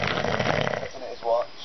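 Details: Adult man snoring in a shared room: a single loud, rattling snore on the in-breath, fading into a softer rumbling breath out.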